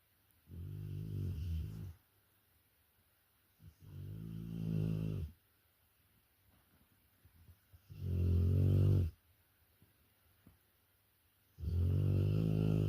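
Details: Rottweiler dog asleep, snoring loudly: rattling snores on each breath in, about 5 per minute, with quiet pauses between; ordinary snoring.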